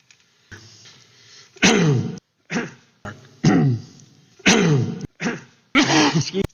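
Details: An adult man coughing during a speech at the National Constitution Center after RBG's death: several short, harsh coughs and throat clears with brief quiet gaps between them.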